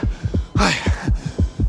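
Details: Heartbeat.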